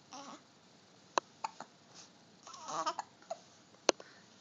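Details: Young boy's hiccups: several sharp, abrupt catch sounds between soft babbling vocal noises in a quiet room.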